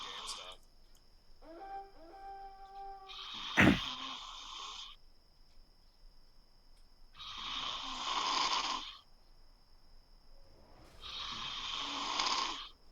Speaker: you mix his [ __ ] throat jiggling